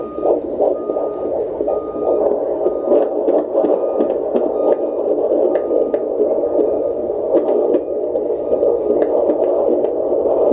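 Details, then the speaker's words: Fetal doppler recording of a baby boy who keeps moving: rapid whooshing heartbeat first around 160 a minute, then slowing as he calms to a normal baseline of 149, sounding great. "Starting to slow down a little bit. There we go. And there's his baseline. So he did exactly what I would expect him to do. He sounds great. Baseline's 149."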